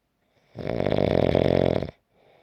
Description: 5-minute clip of snoring.